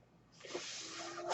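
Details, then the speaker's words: Man's own mechanical ventilator, heard while he records a podcast: mechanical ventilator sound. "Hello everyone, my name is, that noise you're hearing is my ventilator."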